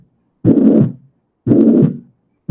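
Long, blowing murmurs fill each systole, repeating about 58 times a minute. This is a holosystolic murmur of tricuspid regurgitation. It gets louder and softer with breathing, which points to a right-sided valve leak.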